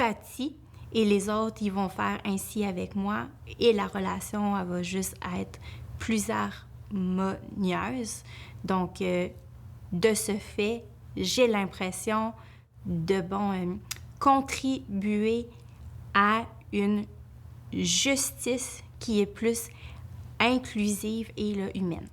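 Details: Speech of an adult woman who stutters, working as a lawyer; she says her stuttering increases greatly when she is nervous; stuttering.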